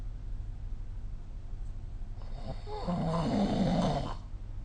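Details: Quiet room noise, then one low rattling snore on an in-breath lasting about two seconds, recorded during sleep with the SnoreLab app; ordinary snoring.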